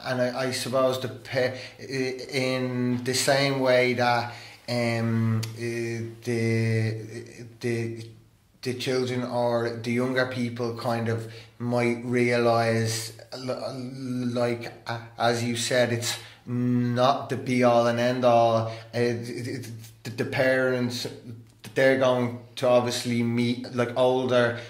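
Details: Adult man who stammers and attends stammering therapy; stuttering.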